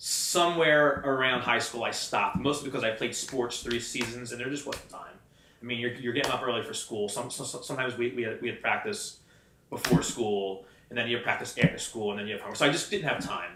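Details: Adult man with a stutter since childhood, who had speech lessons from grade school until about high school and still sometimes struggles to get words out: stuttering.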